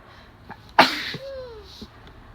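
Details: A sharp, loud sneeze burst followed by a brief rising vocal tail; a single allergy sneeze.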